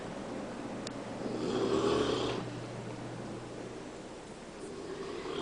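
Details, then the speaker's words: Husband's snoring heard from the downstairs kitchen while he sleeps upstairs in the bedroom: loud, rough snoring rumble carrying from a distant room over a steady household hum. Snoring. "I can hear my husband snoring all the way upstairs in the bedroom and he wants to know why I can't sleep at night"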